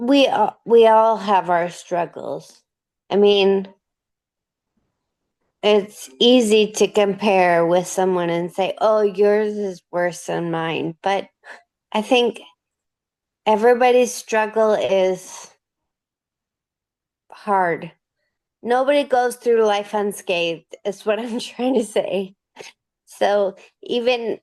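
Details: Dysarthria with slurred speech in a 37-year-old woman with degenerative Friedreich's ataxia, diagnosed at 21. She uses a motorized wheelchair and can no longer walk.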